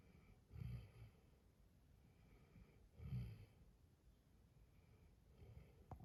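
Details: Dalmatian sleeping peacefully, snoring with soft, low snuffling snores on each in-breath, about 20 breaths/min, in a quiet room.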